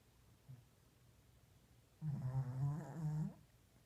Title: Small dog snore louder than me